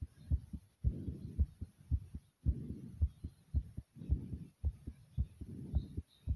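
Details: Uploader's heartbeat after over 50 jumping jacks: fast, strong, regular beats at about 110 a minute with heavy breathing; exercise-induced tachycardia.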